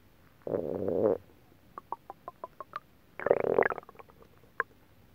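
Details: An hour or two after eating a whole pot of Japanese stew, faint TV in background: bubbly gurgling rumbles and small pops; stomach rumbling (borborygmi).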